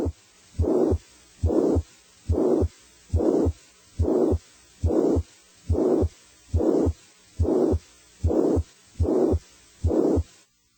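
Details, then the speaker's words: Teaching recording of a pansystolic murmur, as in mitral regurgitation: a regular heartbeat near 70 a minute with a steady murmur running from S1 to S2 with no gaps. "a pansystolic murmur as heard with mro regurgitation starts with S1 and stops at S2 without a gap between murmur and heart"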